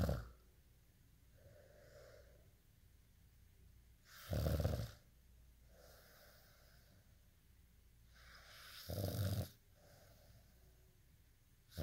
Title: day in life snoring asmr sound 243